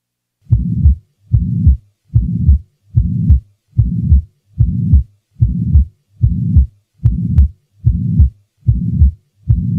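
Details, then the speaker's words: Teaching recording of a pansystolic murmur with even intensity throughout systole, from the first to the second heart sound: regular heartbeat around 73 per minute with a sustained, even whooshing murmur filling each systole. "the following recording will introduce a pan systolic murmur having an even intensity throughout systole"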